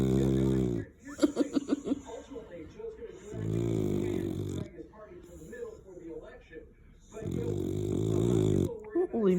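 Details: Snoring during sleep: loud, droning snores about every three and a half seconds, roughly 16 a minute, with quieter breathing between.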